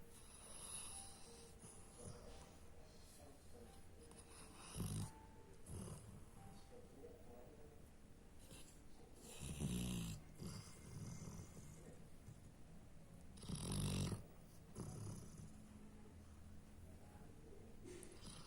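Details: Sleeping dog snoring: low, rough snoring breaths swelling every few seconds, partly masked by background noise and faint music.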